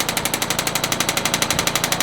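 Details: Extracorporeal shockwave therapy for shoulder pain, medium red tip on gelled top-of-shoulder muscle, patient face down: rapid, steady mechanical tapping pulses, roughly twelve per second, from the handpiece running continuously.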